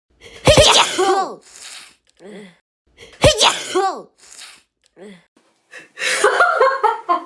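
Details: Repeated human sneezes, each with a sharp intake of breath and a voiced burst, followed by breathy sounds; an ordinary sneeze.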